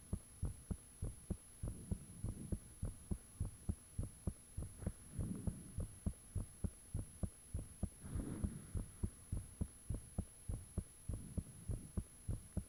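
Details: Own heartbeat recorded with the fan off, shortly after the heart began feeling really thumpy: steady, strong, slightly fast beats about 100/min with a faint steady high hum behind; valves said audible at times; heartbeat.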